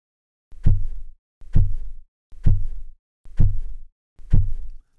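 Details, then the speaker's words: Manual blood pressure measurement: a stethoscope in the elbow crease just below the arm cuff picks up Korotkoff sounds as the cuff slowly deflates, five regular low taps at about 65/min. The first tap marks systolic 115 mmHg, and the reading is 115/70. "that first tapping sound marks the systolic pressure looks like it happened at 1 15."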